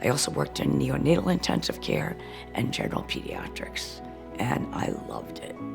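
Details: Woman with refractory chronic cough whose chronic coughing paralyzed a vocal cord, changing her voice from how she sounded before; vocal cord paralysis (voice change).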